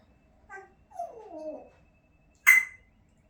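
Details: African grey parrot giving a short chirp and a falling whistled warble, then one abrupt, harsh cough-like burst; cough.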